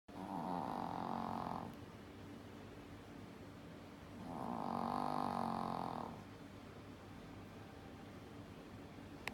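Two slow, soft rumbling snores on breathing in, with quiet breaths between; steady snoring of a sleeping animal.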